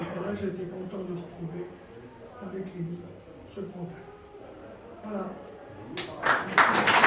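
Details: Dysphonia in a male former nurse with respiratory problems and vocal cord lesions since complications after coronary bypass surgery that required 4 months in intensive care.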